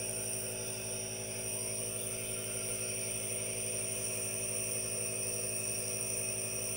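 Steady hiss and motor hum of a running aerosol nebulizer, with faint hand movement sounds.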